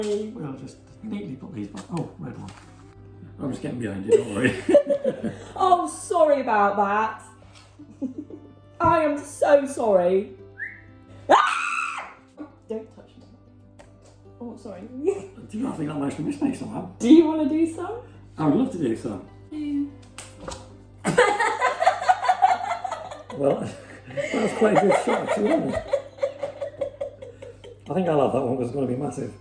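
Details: Young woman with Tourette syndrome producing real, involuntary vocal tics; Tourette syndrome (vocal tics).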